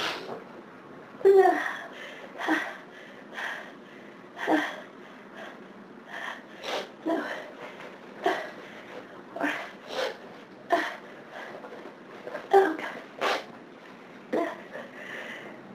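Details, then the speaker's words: Long run of repeated sneezes and sharp breaths with brief pauses, a persistent sneezing fit on a heavy hay fever day; the person says they can't stop and still need to sneeze. "Maybe it'll settle down now. Maybe not. I still need to sneeze."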